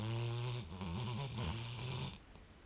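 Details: 1-year-old female black Labrador lying on a couch, recorded soon after running and barking: a deep, vibrating, rumbling snore held through a long breath, fading at the end; dog snoring.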